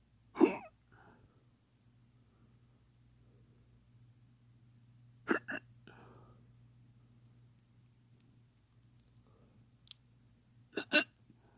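Short, abrupt catches of breath with a low hum behind them. These are faked hiccups, an imitation.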